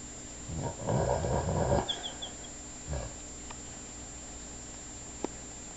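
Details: A dog's rough, rumbling snore through one long breath, then a faint whistle and brief soft snort, in a quiet room: dog snoring.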